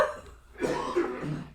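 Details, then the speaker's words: An adult man who is ill, said to have had it worse than the speaker, gives a muffled, distant cough heard through room noise. "oh he's got a scadaddle cuz he's GNA cough there he goes"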